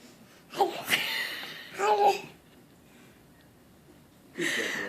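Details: Sharp, explosive sneezing bursts in a small room, with brief voices and "bless you" between them.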